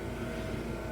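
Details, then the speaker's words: Respironics UltraFill home oxygen tank-filling compressor fed by an oxygen concentrator, filling a partly full cylinder faster than the usual couple of hours: steady mechanical hum with a low droning undertone. "it'll take a couple of hours to fill a tank the reason this one is going up quicker is because there's already contents in this cylinder"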